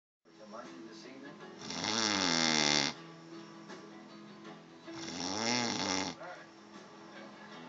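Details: Snoring from someone who claims not to snore: two long, loud rattling snores on breathing in, quieter breathing between, faint background music.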